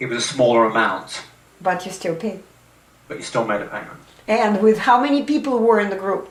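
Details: Adult speaker; typical speech.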